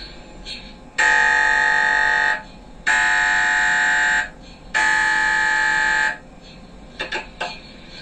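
Loud, steady electronic buzzing tones in bursts of about one and a half seconds, separated by short pauses, typical of an MRI scanner running.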